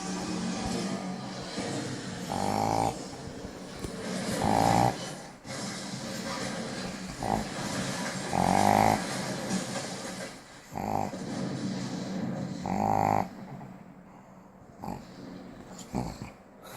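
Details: Loud, rough, rattling snores in uneven bursts every couple of seconds, with snorting breaths between: snoring in a pregnant pug.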